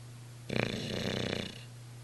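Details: Sleeping Olde English Bulldogge, lying in an awkward-looking position: a single rough, fluttering snore lasting about a second against a steady hum; snoring.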